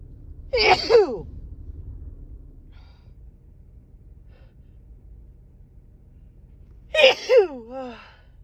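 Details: A series of big, long, drawn-out sneezes from a female with an itchy, tickly cold and stuffed-up nose over a couple of days: sneezing.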